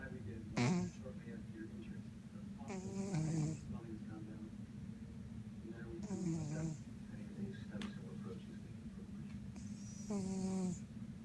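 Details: A sleeping cat gives rhythmic, rattly snores, about four in eleven seconds (roughly 20 breaths a minute), over a steady low room hum; ordinary cat snoring.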